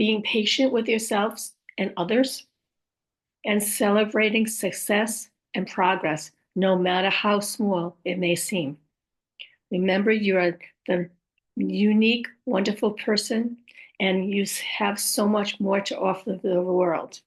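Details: Adult woman with aphasia after a stroke; aphasia.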